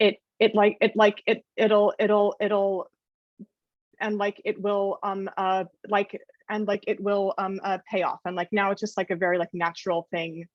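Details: Adult woman who stutters and reports that her stutter becomes severe in some situations: stuttering.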